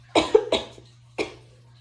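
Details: Dry, irritated cough an adult woman with hyperthyroidism has during recovery from her thyroid treatment; she describes it as a petty, fake-sounding cough from throat irritation.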